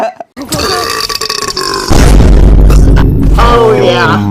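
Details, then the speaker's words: Long, loud, deep burp of about two seconds from a gamer, with brief talk and laughter around it; someone says the trick is swallowing air midway and holding it in the esophagus. Belching (eructation). "The key is to swallow air midway. [clears throat] Hold it in your esophagus and they'll go."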